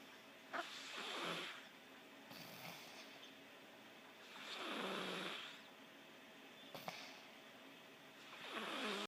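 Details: Slow, rough breathing noises recurring about every four seconds, with soft clicks between breaths; snoring during sleep.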